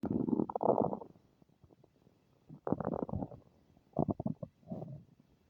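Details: Bowel sounds (borborygmi).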